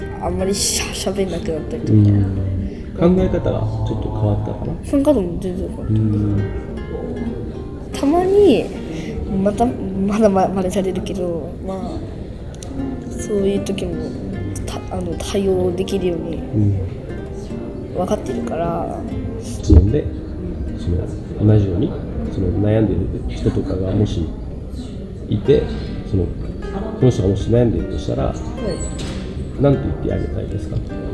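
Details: Stuttering in a young female student working at a café staffed by young people who stutter; stuttering worsened around the summer of her second year of middle school.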